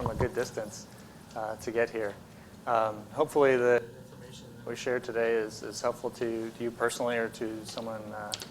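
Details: Adult male speaker; ordinary speech.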